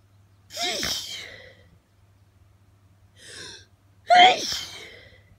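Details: Hay fever allergy sneezing after a window was left open in hot weather, blamed on pollen: two forceful sneezes, each with a sharp inhaled build-up and explosive release.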